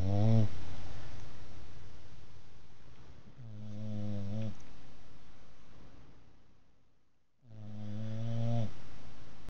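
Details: Sumo snoring after a hard day at work.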